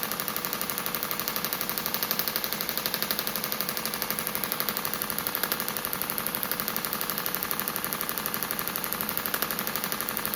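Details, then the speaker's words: Radial shockwave on a perimenopausal woman's own shoulder soft tissue (old dislocation injury), about 2,000 shots, about one bar, 12 Hz, probe moved over tissue: rapid steady stream of sharp mechanical clicks. "So, we're doing it about 2,000 shots. About It's about one bar. I'm on about 12 hertz."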